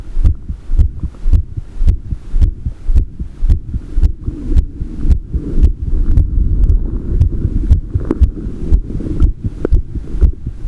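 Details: Heartbeat recording: steady low thumping heartbeat, about 110 a minute, with a low hum behind it; normal heart sounds.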